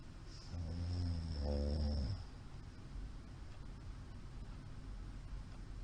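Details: Loud, deep rumbling snore from a sleeping middle-aged man over steady room hiss; ordinary snoring.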